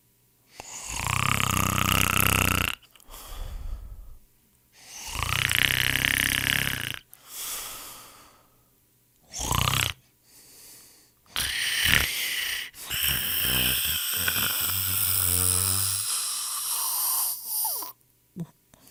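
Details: Loud harsh snores on each breath with rattling, fluttery inhalations and snorting pauses, from a snoring sound-effect collection.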